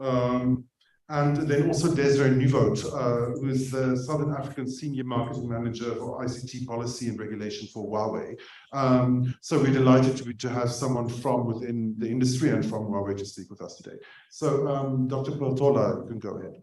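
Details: Adult male speaker; normal voice.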